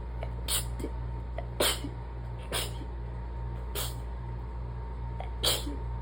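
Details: Allergy sneezing fit: five quick, muffled, hissing sneezes in rapid succession over a low hum, each barely stifled, with too little air drawn in for a proper stifle.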